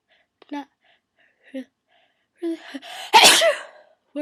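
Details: Sneezing fit while trying to hold the sneezes in: a few short, stifled, breathy bursts, then one full, loud sneeze.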